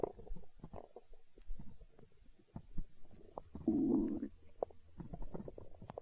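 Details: Hunger stomach growling: gurgling, bubbling rumbles with a longer low growl midway; borborygmi.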